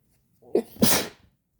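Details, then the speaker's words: A single muffled sneeze, covered with toilet paper: a short in-breath, then a covered burst of air. It is made with the throat held open as if yawning, while trying to sneeze less girly. "Yes, I am covering with toilet paper each time I sneeze. So, if it sounds weird, that's probably why."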